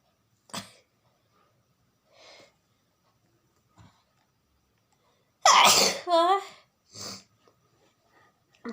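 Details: Deliberately provoked sneezes during a sneezing challenge: quiet sniffs and inhalations build to two loud sneezes, the second ending in a voiced cry.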